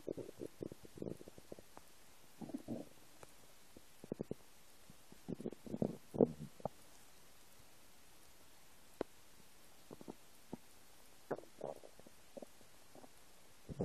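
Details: Quiet bubbling gurgles and short squelches from the owner's own empty stomach over a hissy background; stomach rumbling (borborygmi), normal bowel sounds.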